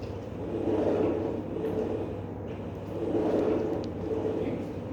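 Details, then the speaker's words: Stethoscope audio of a pleural friction rub in pleural effusion, likened to crumpling a leaf: coarse, crackling grating noise swelling with each breath, about 24 per minute, heard at the lung bases. "pero a la oscilación podemos escuchar con el estetoscopio como si estrujáramos una hoja."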